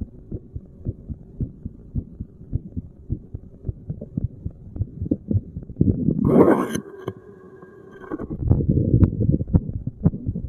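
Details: Self-recorded resting heartbeat while sitting, stethoscope at random chest spots, not standard auscultation points; repeated soft thumps with rubbing and shifting noise; normal heart sounds.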